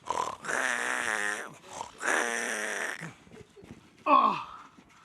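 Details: Two drawn-out, buzzing voiced snorts, then a short grunt: an adult in a small room imitating a fellow reality-show housemate's snoring.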